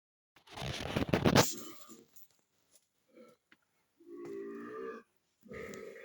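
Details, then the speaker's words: Loud, rough gaseous burst followed by shorter, lower voiced belches; repeated large burps. "Oh, wow. This is really impolite to burp."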